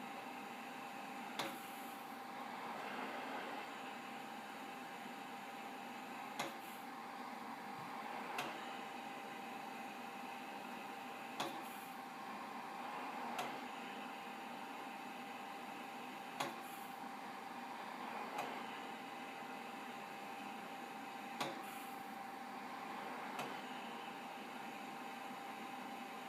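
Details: Mechanical insufflation-exsufflation (cough assist) device used in a study: steady machine hum with rhythmic airflow swells and clicks, about 12 cycles a minute.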